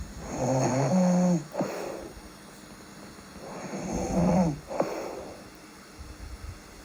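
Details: Real sleep snoring with breathing and a little sleep talking: two loud, rattling snores on the in-breath, each followed by a soft out-breath, about 19 breaths a minute; ordinary snoring.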